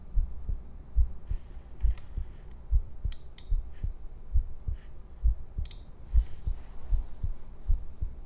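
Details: Streamer's heartbeat from a livestream heartbeat compilation: low, soft thumping at roughly 67 beats per minute with faint background clicks.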